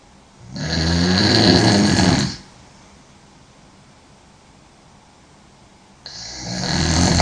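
Loud, rough rattling breaths during sleep, with a quiet pause between them; heavy snoring.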